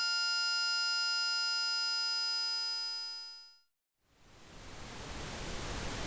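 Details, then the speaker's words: Simulated tinnitus, electric ringing type: a steady electric ringing buzz that fades out, then a rising hiss begins; one of a series of typical tinnitus percepts. "Now I will play a series of sounds that represent the typical types of tinnitus percepts people report hearing. Ringing. Teapot whistle. Crickets. Electric ringing."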